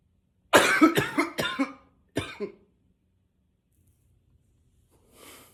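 A run of four harsh coughs, then two more, followed by a soft breath; persistent bouts of coughing.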